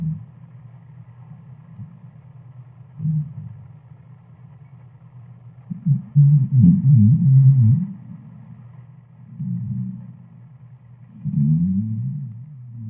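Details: Sleeping dog's loud, low, honking snores with wavering, trombone-like pitch, rising and falling between quieter rumbling breaths; strange snoring.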